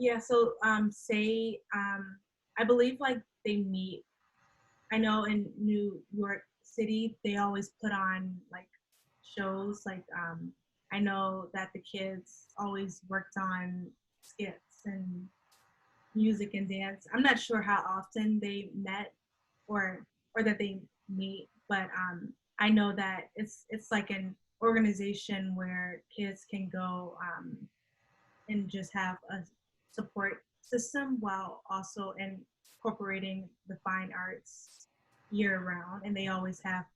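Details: Adult woman who stutters, with onset at age three, speaking in a conversational interview: stuttering.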